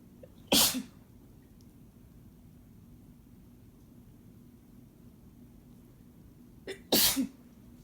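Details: Man: two sharp, explosive sneezes about six seconds apart, the second with a brief intake of breath just before it, in a quiet room; sneeze.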